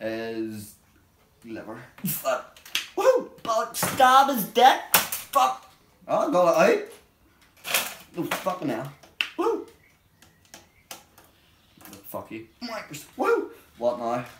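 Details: Adult man with Tourette syndrome, a neurological disorder, with real, unedited involuntary vocal tics including vulgar language; Tourette syndrome (vocal tics).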